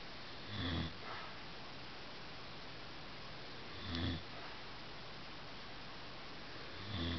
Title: Snores part 2